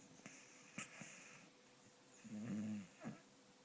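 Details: 4-year-old beagle asleep and dreaming: soft snuffling breaths and a brief whining, voiced snore, with small twitchy sounds.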